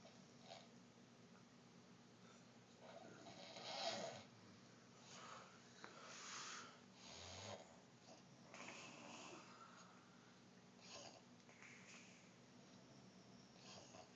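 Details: Light snoring during sleep: soft, rhythmic noisy breaths with a rough flutter on some, over quiet room noise.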